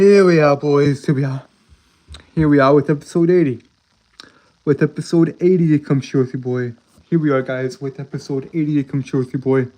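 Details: Adult male with a self-described severe speech impediment causing stuttering and tripping over words; word and phrase repetitions; stuttering.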